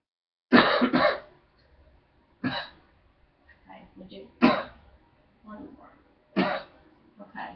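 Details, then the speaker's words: About five short, dry voluntary coughs during a chest and lung health exam, with faint sounds between; not loose or wet, judged a normal cough. "I don't hear it doesn't sound loose doesn't sound uh like anything that seems to be a problem"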